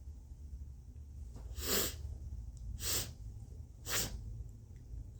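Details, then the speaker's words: Deliberately induced sneezes, turmeric and a Q-tip up the nose, nose burning and congested: three small, soft sneezes about a second apart over a low background hum; brief, mild sneezing. "the same thing I'm just going to lean back and wait for the sneeze to come"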